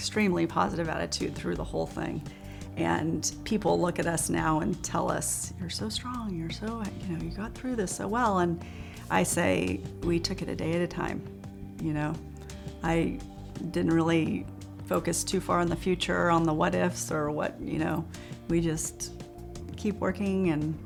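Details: Adult speaker; typical speech.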